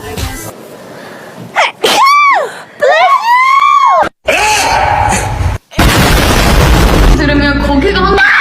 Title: types of sneezers in k-pop #kpop #korea